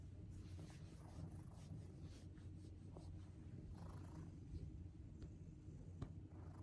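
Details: Sleeping cat snoring with a very unusual, human-child-like sound: low, continuous rumbling, purr-like breathing.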